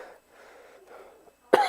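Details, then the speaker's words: Quiet breathing, then a single muffled cough through a basic surgical face mask worn by an adult man who says he has a cough. "like i got a cough right now now when i do that inside this mask it protects the particles from going out to other people"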